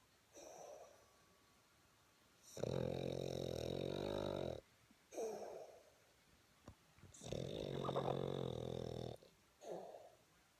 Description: PIG ? PERSON ? NOPE SIR WINSTON THE BOSTON SNORING !!!!! GLAD HE IS GETTING HIS REST LOL